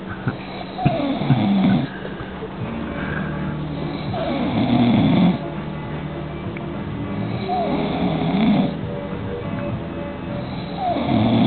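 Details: Loud, rumbling snores on each breath, about 18 a minute, with some background noise; heavy snoring during sleep.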